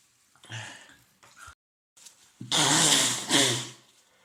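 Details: Adult male with a head cold, congested, runny nose and sore throat: a short sniffle and catch of breath, then two forceful back-to-back sneezes; sneezing.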